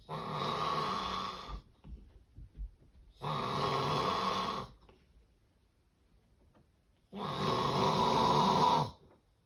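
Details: Three loud, rough snores at uneven intervals: snoring of severe obstructive sleep apnea.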